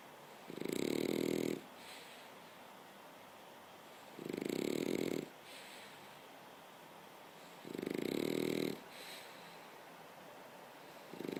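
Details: Sleeping French bulldog snoring: three loud, rumbling snores, each about a second long, roughly 17 a minute, with a fourth starting at the end.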